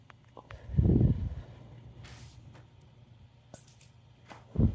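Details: Burping in public after trying a new soda flavor: a deep, rumbling burp followed by a short second burp, faint outdoor background noise.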